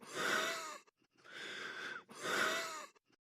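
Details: Three drawn-out, harsh breathy coughs or strained breaths, each with a whistling, wheezy tone; cough with wheeze.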